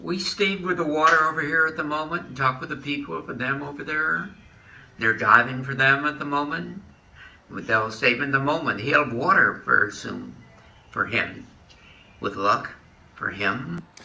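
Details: Male speaker with fluent aphasia after a stroke, near-normal speech rate with largely lost meaning; Wernicke's aphasia.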